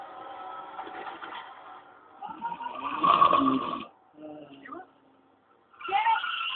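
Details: Man with very loud "elephant" snoring during sleep: harsh, loud, irregular rasping and snorting noises with brief pauses; heavy snoring.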